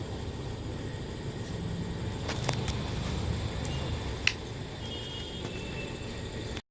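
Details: FMT 700 turbine-based ICU and transport ventilator running: steady low whirring hum with a few faint clicks and brief tones.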